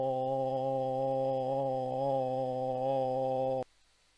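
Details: Voice tremor patient recording: predominantly mild vocal instability, with some semi-rhythmical tremulous movements towards the end.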